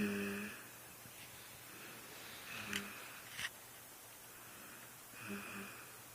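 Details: Sleeping female, deeply asleep: soft, buzzing, humming snoring breath noises recurring every few seconds in a quiet room.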